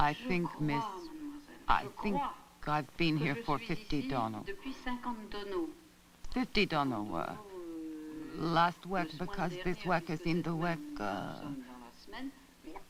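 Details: Speech of a hospitalized woman with a left-hemisphere lesion of the posterior first temporal convolution; comprehension is severely impaired, and production shows phonemic and verbal paraphasias and neologisms; Wernicke's aphasia.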